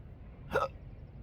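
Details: Single sharp hiccup, a sudden voiced catch of breath, outdoors at sunrise by the coast, from an adult with intractable hiccups, choking spasms, burps and developing achalasia since December 2015.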